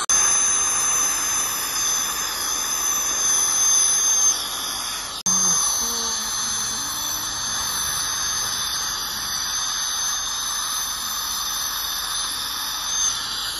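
Steady high-pitched hiss and whine of dental cleaning instruments, briefly interrupted, typical of scaling and air-polishing during a routine cleaning.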